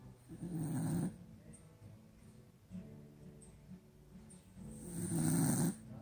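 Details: Two loud, low rattling snores about four seconds apart, with quieter breathing between, from a sleeping beagle dog; ordinary snoring.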